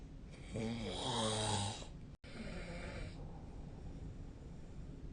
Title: 🐽 本日のイビキ / Snoring Sleep Sound 2025/03/23